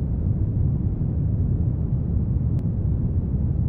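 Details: Generated pink-noise narrow band centred around 100 Hz, heard as a steady deep rumbling hiss, used as an audiometric tool to match tinnitus pitch.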